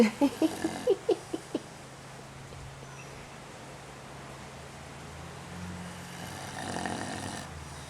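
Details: Bozley snoring even with his eyes open while resting before a photo shoot; a quick run of short snorting pulses settling into a steady, low droning snore.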